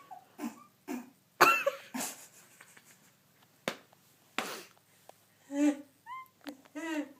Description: My best friend sneezing, it lasts forever and is hilarious! No joke people, this is really how she sneezes, it isn't fake or planned.